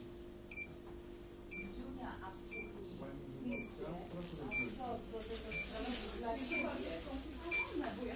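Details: Therapeutic laser rehabilitation after plate-and-screw fixation of a humeral head fracture: short high beeps once a second over quiet talk and room noise; laser device timing beeps.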